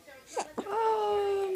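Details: Baby boy with hiccups who seems tired: two short catching sounds, then a sustained, steady-pitched whimpering cry; typical infant fussing cry.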